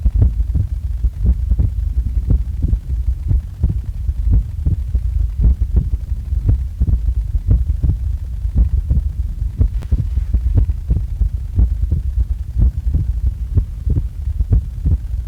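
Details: Own heart sounds recorded just after waking up: steady, regular low heartbeats at about 80 a minute over a constant low hum; normal heart sounds.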